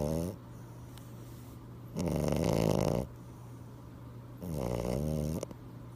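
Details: Snoring: buzzing, rattling snores lasting about a second, repeating every two to three seconds over a low hum.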